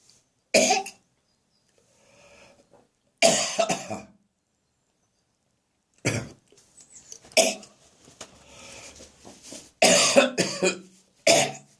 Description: My cough has now becoming drier and less frequent, but it really made me gag in the bathroom this morning.